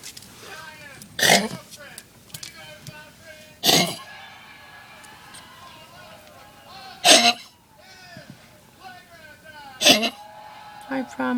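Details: A dog with kennel cough gives four harsh, forceful single coughs a few seconds apart; kennel cough.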